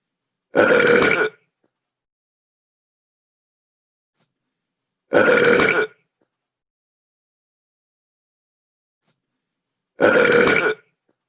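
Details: Three identical loud burps about five seconds apart with silence between, a repeated video-game burping sound effect from computer-controlled Mii characters: burping.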